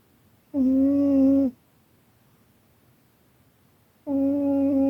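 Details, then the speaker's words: Sleeping cat napping and snoring very loudly: steady, tonal snores about a second long with quiet pauses between; ordinary snoring. "oh hi hi little you okay you're snoring so loud didn't mean to wake you go back to bed I'm sorry you're so cute you tired you're snoring so loud"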